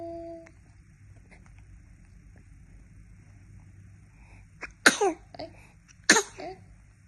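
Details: Newborn baby boy gives two sharp, high-pitched sneezes about a second apart, each followed by a small breathy catch, over quiet room hum; sneezing.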